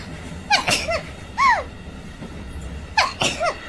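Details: Several quick, high-pitched, squeaky sneezes in a row, each a sharp burst with a voiced tail, from a VTuber during a stream.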